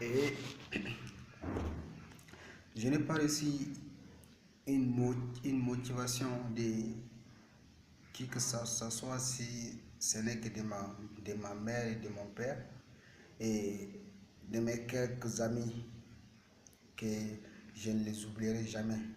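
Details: Male speaker with stuttering since age 7; stuttering.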